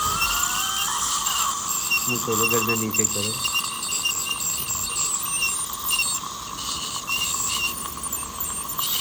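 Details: Professional dental scaling using ultrasonic vibration to remove plaque, calculus, tartar and stains from the tooth surface: steady high-pitched whine with water hiss and a brief voice; ultrasonic dental scaler, a normal procedure sound.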